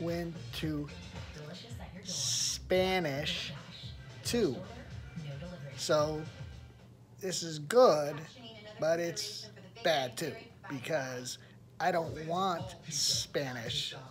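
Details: Aphasia in an adult who attended a rehabilitation research program about a year earlier; word-finding difficulty and fragmented sentences.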